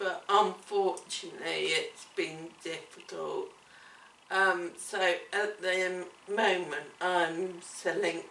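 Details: Adult woman with cerebellar ataxia affecting her speech, coordination and swallowing; ataxic dysarthria.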